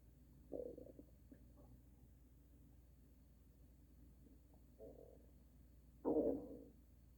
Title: extreme stomach noises - THUNDER Stomach